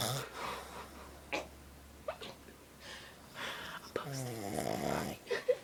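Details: Stepdad snoring in sleep, though he says he doesn't snore: a rough, buzzing snore on an in-breath, with quieter breathing noises and room hum before it; ordinary snoring.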